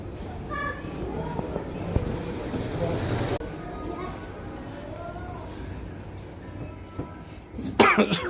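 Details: Child coughing after drinking cold water, with a cold; cough bursts out near the end over busy indoor noise and voices.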